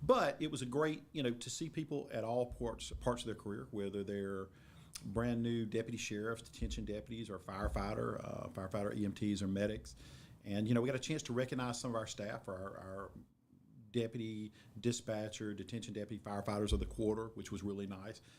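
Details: Adult man speaking; Normal conversational speech.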